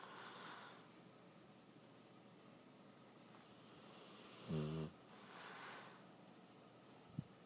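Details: An old dog sleeping soundly: slow, rough breathing with a brief buzzing snort midway; snoring.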